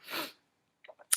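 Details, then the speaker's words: Simulated, acted sneeze by a female performer playing a CEO in a conference room, attributed to allergy to flowers: a single sharp, hissing sneeze burst followed by short breathy sounds. "That might happen every once in a while. Uh, this conference room is fantastic. However, those flowers at the that are adorning the room are um not great for my allergies."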